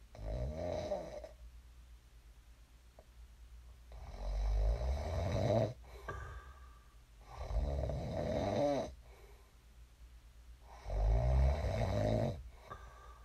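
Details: Loud rumbling snores on the in-breath during sleep, about nine a minute, with quiet gaps between them; ordinary sleep snoring.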